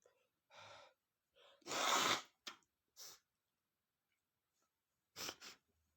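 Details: Male sneezing after sniffing red peppers: a sharp inhaled gasp, then a loud explosive sneeze, followed a few seconds later by a smaller double sneeze.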